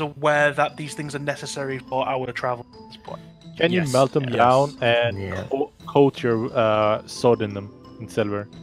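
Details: Stuttering in a man with a natural stutter (speech impediment) that he says usually clears up after about half an hour of roleplaying; it may sound like audio cutting out.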